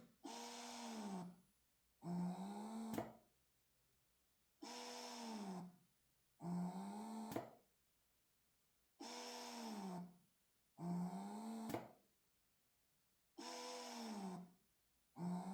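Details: Wearable breast pump on maximum expression setting during a noise comparison test: rhythmic motor cycles, about 14 a minute, each a rising-falling whir with a click.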